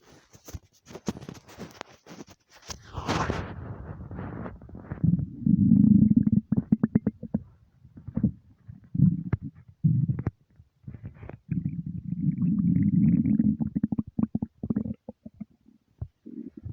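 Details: Stomach rumbling (borborygmi) from an empty stomach: low gurgling rumbles and bubbling sounds from the abdomen.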